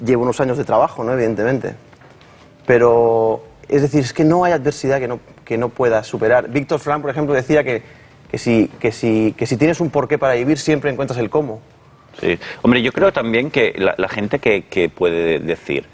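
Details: Adult man, a psychologist and speech therapist, who stutters less since overcoming the complex through psychological help but still stutters at times; stuttering.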